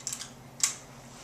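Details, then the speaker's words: Dry powder inhaler demonstration: soft clicks, then one sharp snap as the side button is pushed once to pierce the capsule in the closed holder before a quick deep inhalation. "to use a DPI first open the top of the device and place a pill in the pill holder close the mouthpiece over the pill and push the bottom on the side of the device once to puncture the"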